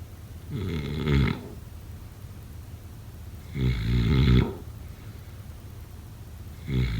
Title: #snoring #snoringasmr #snoringsounds #snoringsleepingsoundeffect